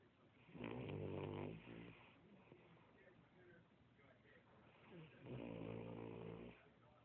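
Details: Baby asleep, two long, low rumbling snores about a second each with quieter breathing between; infant snoring.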